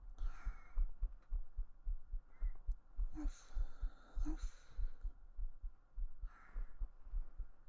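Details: Normal heartbeat recorded during an ASMR stream with a 3Dio binaural microphone while hugging the listener; the speaker remarks her pulse is a bit fast. Soft, regular low thumps around 105 a minute with breathy rustling over them.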